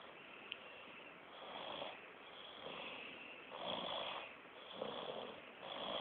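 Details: Soft, even snoring that swells and fades with each slow, regular breath, with a muffled, tinny quality; snoring.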